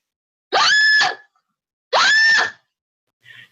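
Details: Woman with Tourette syndrome diagnosed at age 17, also autistic; vocal tics including a screaming tic; vocal tic (screaming tic).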